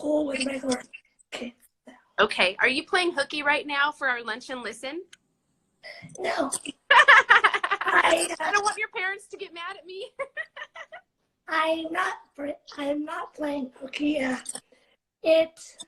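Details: Two female speakers, young voices, small room; conversational speech.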